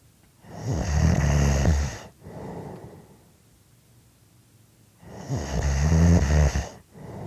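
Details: Loud, harsh, rattling inspiratory snores with softer exhalations, about one cycle every five seconds; heavy adult snoring during sleep.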